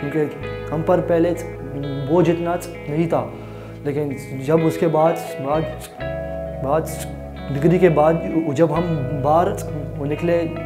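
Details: Adult man with stuttering (stammering) present since childhood, who had job difficulties after his degree; speaks in Hindi/Urdu; stuttering.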